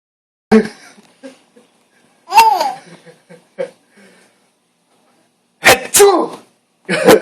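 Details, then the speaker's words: Adult man (dad) gives several loud, abrupt sneezes, each followed by a baby laughing and giggling in a small room; ordinary sneezes. "this is big sneeze uhoh here go oh man that was a big [Music] sneeze yeah"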